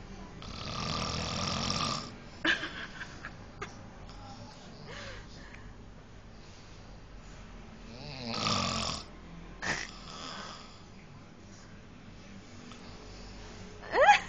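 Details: Loud, rough snores on breathing in, likened to a lion's roar: two long rattling snores with quieter breathing and room noise between; snoring.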